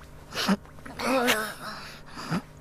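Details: Animated character Nobue, who has a cold, has an acted sneezing fit: a voiced build-up followed by breathy bursts, repeated; simulated cartoon sneezes.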